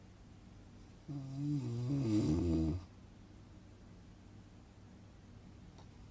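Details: Relaxing snoring sound effect for sleeping: a single drawn-out rattling snore on an in-breath, then quiet room noise.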